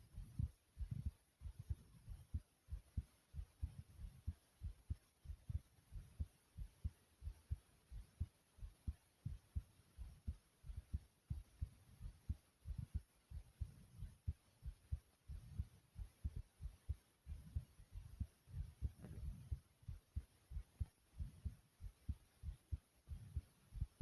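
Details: Strong, low, thumping heartbeat at roughly 90 beats a minute, a tad fast after jumping in place; fast heartbeat after exercise.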